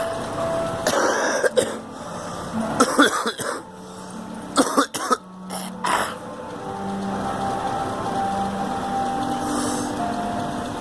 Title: Coughing